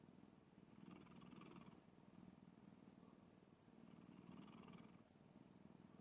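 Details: Soft, low, rumbling breaths rising and falling about every three seconds, close to a purr; gentle snoring in a sleeping black cat, a longer three-minute snoring recording.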